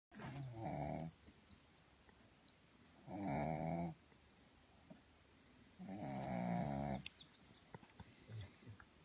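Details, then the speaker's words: Pug sleeping in a shady spot outdoors in a national park, very tired: loud, rough, rattling snores on each breath, about 20 a minute, with quiet gaps, birdsong and faint outdoor sounds. "So peaceful. Sound of the birds and a snoring pug."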